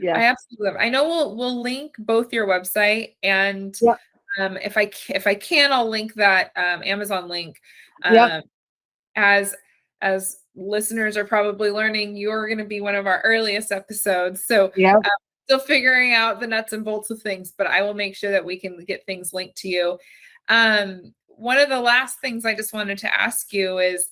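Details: Adult woman; typical speech.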